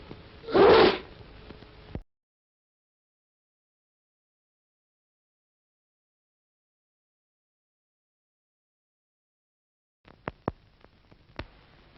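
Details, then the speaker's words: Acted single sneeze from 1940s–50s public health film on coughs and sneezes spreading germs; one loud sneeze, then silence and faint clicks. "Oh excellent remember coughs and sneezes spread diseases"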